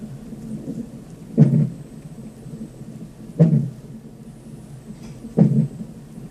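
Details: Fetal hiccups heard on a fetal monitor: three evenly spaced muffled thumps over the monitor's whooshing hiss, a normal finding.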